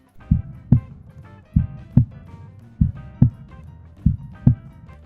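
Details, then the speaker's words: Normal first and second heart sounds as heard through a stethoscope on the chest, regular paired lub-dub beats at about 48 a minute over soft background music. "Si colocamos un estetoscopio sobre el pecho, generalmente escucharemos algo que suena como un"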